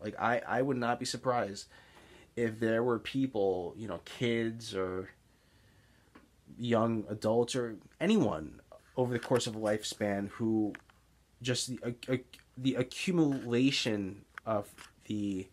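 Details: Stuttering (speech blocks) in an adult man with Tourette's syndrome, with blocks heard as excess pausing mid-sentence and particular trouble on S-initial words; real blocks while speaking.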